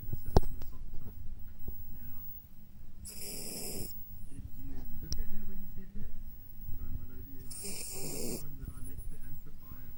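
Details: Female Jack Russell terrier puppy snoring while asleep: two short, raspy snoring breaths a few seconds apart against a noisy room.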